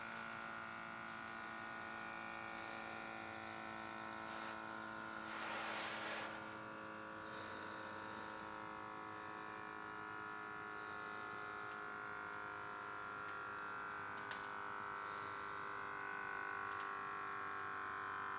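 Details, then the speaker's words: Steady electric pump hum as the cuff of a Wellue portable automatic blood pressure monitor with ECG inflates, on a repeat measurement; the result was 145/76 mmHg with a pulse of 65 beats per minute. "Let's hit start. There you go. It's going to start measuring."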